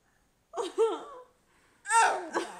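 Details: Child sneezing repeatedly in a long run; carer wonders if he is allergic to something.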